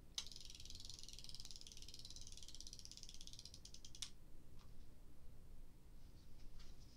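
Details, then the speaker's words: Rapid ratchet-like clicks: Ozempic pen unwinding as it delivers a 1.0 mg dose into pinched skin, self-injected by an adult at 25 weeks of treatment for weight loss. "it is got my one right there in the window is a one and pinch the area insert the needle click and hear it"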